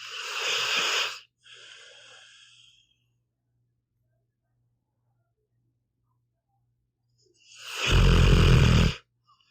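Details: Pit bull dog sleeping: a low, rough snorting breath, then a quieter breath and a long pause before the next deep snore.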